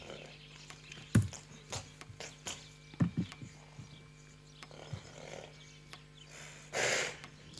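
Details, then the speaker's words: Sharp hoof or ground knocks, then a strong rushing exhale through the nostrils from a horse: a blow (soufflement), a strong alarm signal, distinct from snorts and inhaled snoring. "s nazaux les ronflements qui sont plutôt liés à une aspiration ça vous l'avez tous déjà entendu et le soufflement qui est un signal d'alarme fort"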